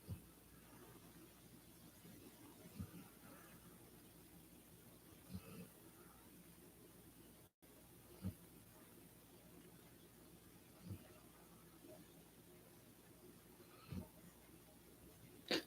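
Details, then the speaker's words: Soft, regular snorting snores, about 22 a minute, from a sleeping dog, over quiet room noise. "yeah I'm going to have to record this dog sleeping cuz she'll sleep for hours and just lay there snoring like that"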